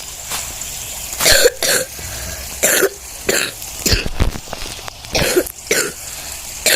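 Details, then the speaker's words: Several short coughs over steady background hiss from a person who is sick, coughing while narrating a game: cough. "maaf-maaf deh kalau kayak ada batuk itu karena aku lagi batuk"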